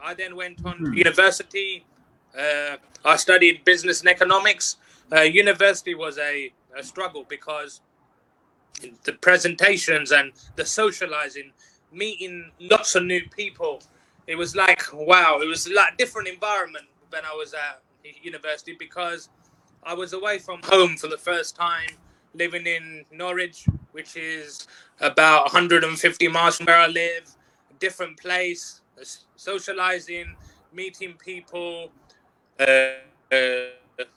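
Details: Adult who has stuttered since age four, stuttering on nearly every sentence at school, now working as a teacher and life coach; stuttering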